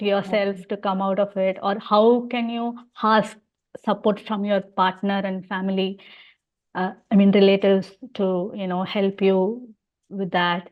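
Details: Adult female speaker; host speech.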